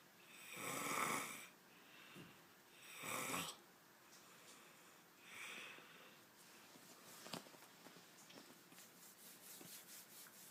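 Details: Loud snoring during sleep: three loud, rough, hissing snores in about ten seconds, each on a breath in, then quieter breathing.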